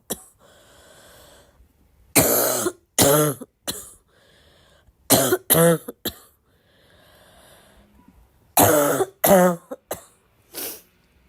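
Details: Girl with a recurring cough: repeated sharp coughs, some in pairs, mixed with throat clearing and quiet breaths between.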